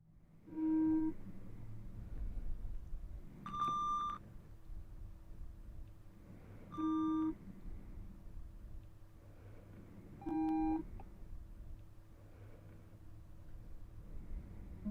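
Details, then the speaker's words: Simulated ASMR ear-examination roleplay, pure-tone hearing test through headphones: four brief electronic beeps several seconds apart in a quiet room. "So, the first thing that you're going to hear are some beeps. And I want you to simply just let me know when you hear those beeps come true."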